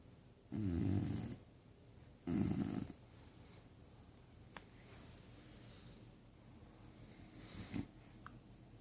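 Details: Female dog fast asleep, seemingly dreaming, giving two loud rough snores then quiet breathing; snoring.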